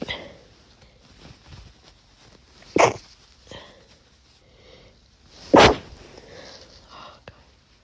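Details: Person with a cold and a very sensitive, itchy nose, some sneezes stifled and later ones induced with a spray or tissue: two forceful sneezes between softer stifled sniffs and snorts; repeated sneezing.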